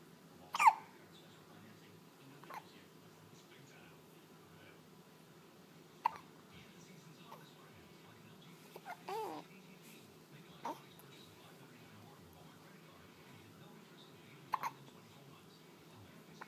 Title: hiccups